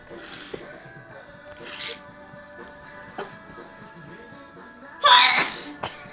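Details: A sleeping woman is woken by a napkin rubbed on her face and gives a smaller sneeze, then a sharp explosive one, over quiet background music and room noise; sneezing.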